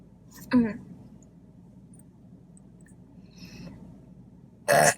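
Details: Person on a mukbang eating show after chicken fingers, fries, toast and Diet Coke: two short, loud throaty belches separated by quiet room noise; burping.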